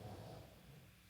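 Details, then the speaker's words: Pet pug asleep and adjusting on a pile of blankets: low, rumbling snort-like breaths from a small flat-faced dog; snoring. "did you hear that it's my pug snoring he's like just adjusting he's like laying out a pile of blankets"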